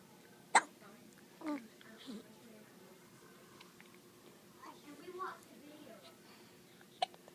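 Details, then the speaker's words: Baby hiccups: a few sharp, brief, irregularly spaced hiccups with soft vocal noises between them in a quiet room. "Baby got the hiccups? Okay."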